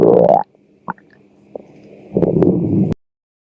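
Brief loud rumbling gurgles with small pops and a hollow growl in between; normal hunger growling of the stomach.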